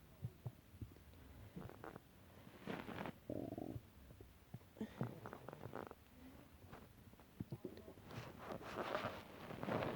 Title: Stomach growls 2